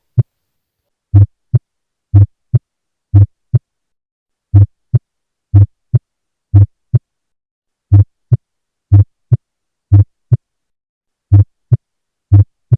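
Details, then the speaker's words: Split first heart sound, stethoscope auscultation teaching recording; regular heartbeat near 60 a minute with a slightly doubled first sound, a split S1. "This is the voice of Soft First Heart Sound This kind of sound is produced when there is Splitting"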